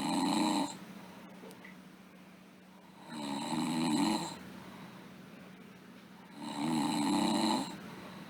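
Rhythmic rattling snores on each breath in, roughly 17 per minute, with quieter breathing between: ordinary sleep snoring.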